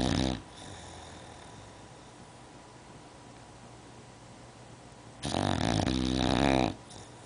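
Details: Sleeping female English Bulldog on a couch, snoring loud enough to hear upstairs: loud, rattling snores on breathing in, separated by about five seconds of quiet breathing.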